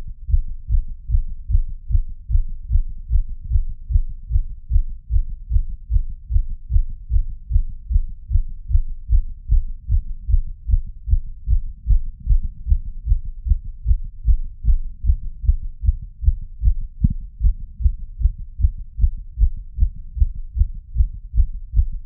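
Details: Own pounding heart recorded with a Polar H10 and ECG app: rapid, regular low thumping at about 150 beats a minute, a fast heartbeat.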